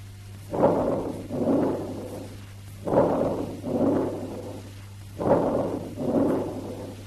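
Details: Teaching recording of abnormal vesicular breath sounds: soft rustling breathing at about 26 breaths a minute, with each expiration prolonged and longer than inspiration but keeping its rustling character, as seen in chronic bronchitis, asthma or emphysema.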